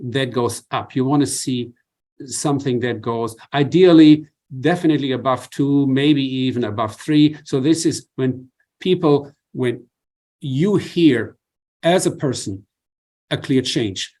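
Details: Adult man with adductor spasmodic dysphonia, treated with Botox injections and nearing his next injection with worsening voice strain; has also tried vibro-tactile stimulation (laryngeal vibration); adductor spasmodic dysphonia.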